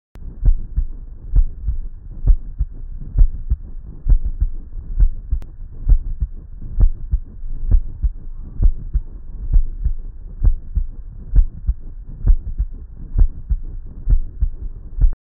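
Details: Pericardial friction rub recorded with an Eko digital stethoscope: regular heartbeat near 66 a minute with a scratchy, grating sound on each beat.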